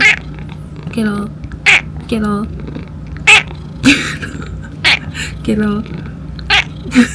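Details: Former stray female cat, estimated 5 years old, recovering after full-mouth tooth extraction surgery; hoarse meow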